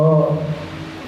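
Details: Imitated normal vocal resonance, patient saying "33" over normal lung, heard clearly through chest, taught in context of pleural effusion examination.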